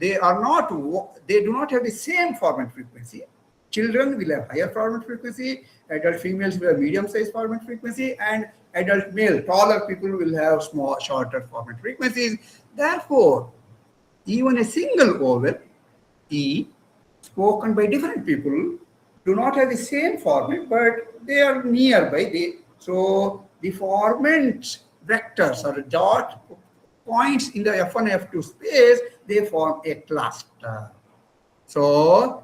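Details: Adult presenter; no speech disorder.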